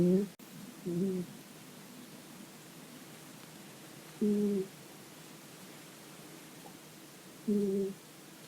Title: Strange Phenomenon of Cat Snoring